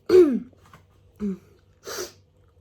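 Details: Messy hay fever sneezes: a loud voiced sneeze, then a shorter sound and a breathy burst in a quiet room.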